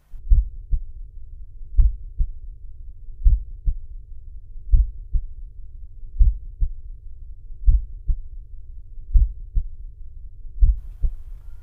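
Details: Cardiology lecture demonstration: steady, regular lub-dub pairs at about 41 beats a minute; normal first (S1) and second (S2) heart sounds.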